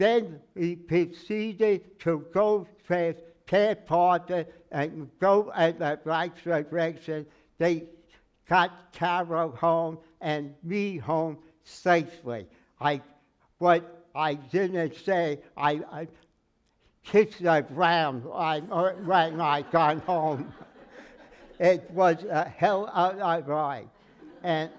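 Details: Aphasia after stroke in a man who says he can never get more than 80% of his speech out, working with a speech therapist and an aphasia group; word-finding errors and garbled phrases.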